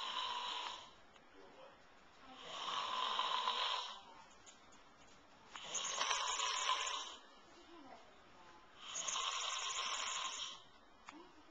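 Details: Old man (a father) who snores every night, asleep and denying it: loud, harsh, rasping snores on each in-breath, about 19 a minute, with quiet out-breaths between.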